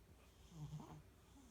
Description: I heard snoring and realized our Norwegian forest cat was sleeping behind me on the couch.